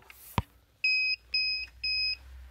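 A switch click followed by three evenly spaced high electronic beeps as the oxygen concentrator powers on, over a low hum.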